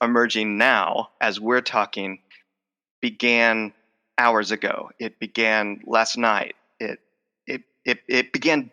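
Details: Adult male speech professor with lifelong stuttering involving blocks, repetitions and covert stuttering; the stutter is emerging during the conversation; finding: stuttering.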